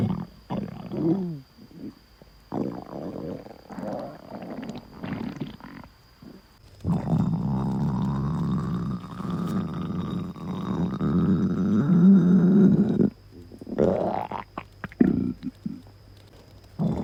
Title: my stomach growl